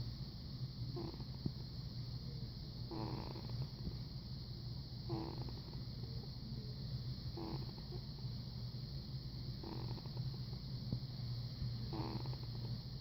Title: Max cam, tiny tiny snores